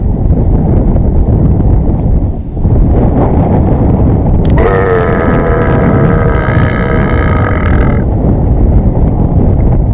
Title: The Burping Cow Whisperer...